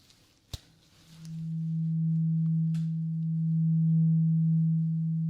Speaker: We're gonna continue with the tuning fork that we used before. I need you to tell me when you hear the sound stop.